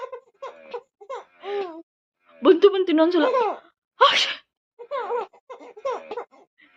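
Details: Mother's single sharp sneeze, which her baby girl finds funny, with the child's playful vocalizing before and after.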